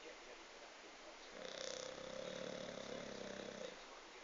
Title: Snoring Bulldog